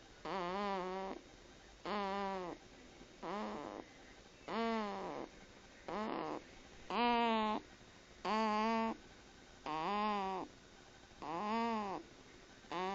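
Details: Sleeping man snoring: regular tonal, buzzing snores about 44 a minute, each under a second, with quiet gaps between.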